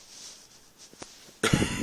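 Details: Adult cough in a second coughing recording: after a quiet pause with faint clicks, a single abrupt, forceful cough bursts out near the end.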